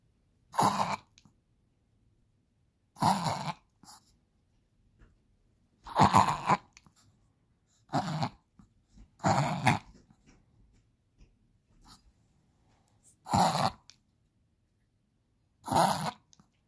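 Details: Chihuahua (male) having a reverse sneezing attack, about seven harsh snorting gasps over sixteen seconds; usually occurs when excited, owners think he was feeling sick, causing a flare-up.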